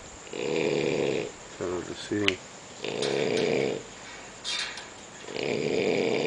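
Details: Very loud snoring: harsh snores on each breath about every two to three seconds, with snorting, fluttering catches between them.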